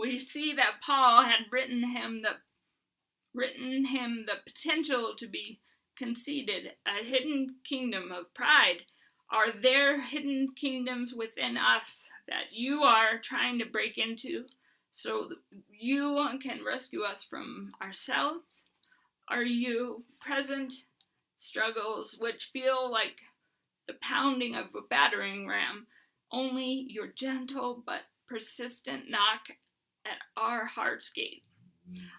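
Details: Dysarthria in an adult woman with Huntington's disease, who uses a bed setup to prevent falls and is getting a service dog.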